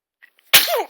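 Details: Baby sneezing twice, then smiling and babbling for his father: a single sharp, hissing sneeze ending in a short voiced tail.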